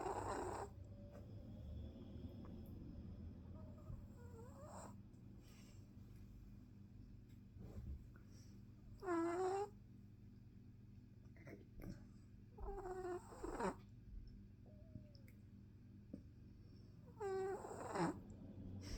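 A sleeping puppy gives short squeaky, whistling snores every few seconds over a steady low hum; harmless snoring.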